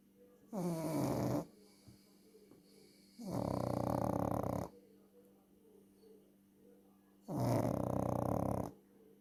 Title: my funny Loki snores😂